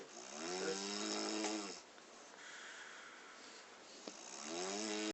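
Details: Snoring: tonal, whistling snores with a rising-falling pitch on each breath and a hissy exhale between.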